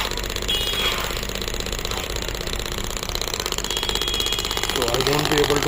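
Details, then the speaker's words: Pneumatic ballistic shockwave therapy (ESWT) handpiece, air-compression machine rated up to 10 bar, started during a demonstration: rapid rattling pulses about four a second at high pressure, with a voice faintly underneath. "once you press the start button in the handle machine will the pneumatic effect will come machine will start"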